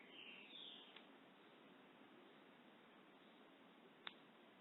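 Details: Knee crepitus in an adult over 39: a brief creaking squeak and two sharp pops as the knees move. All joints creak and the knees hurt most. No diagnosis yet; tests are negative for rheumatoid arthritis and HLA-B27.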